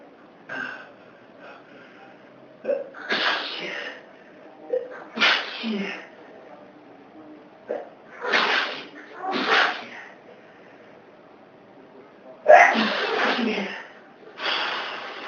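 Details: Adult with dust allergy sneezing after his girlfriend's housework; a run of about seven sneezes, some preceded by quick inward breaths, in a quiet room.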